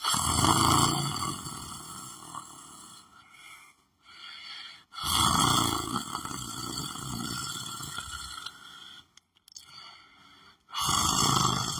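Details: Person lying down on the floor of their room, sleeping: loud, rough, rattling snores on long breaths a few seconds apart, with quiet gaps between them; snoring.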